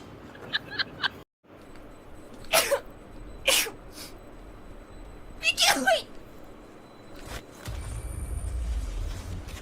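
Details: A few quick, sharp sneezes in close succession from a girl, some preceded by short in-breaths, with faint room noise; rapid repeated sneezing.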